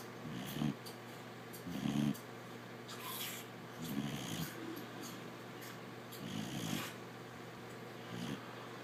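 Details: Sleeping dog with low rumbling snores recurring about every two seconds over a steady room hum; snoring.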